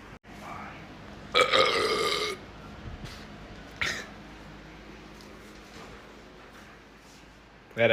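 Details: One long, loud, rumbling burp lasting about a second, then a brief shorter burp, in a quiet room.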